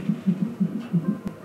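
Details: Fetal heartbeat on a monitor during labor induction at 40 weeks 5 days; mother has regular contractions, is 2 cm dilated, and has a Foley balloon. Rapid, regular whooshing beats, about 140 a minute, consistent with a normal fetal rate.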